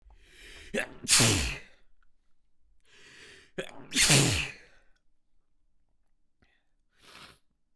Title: Short Sneeze Fit